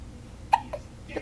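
Three quick, sharp hiccups from an infant in about a second, each a brief catch of breath; ordinary baby hiccups.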